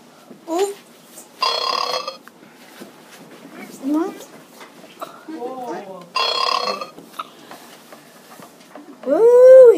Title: I am burping!!!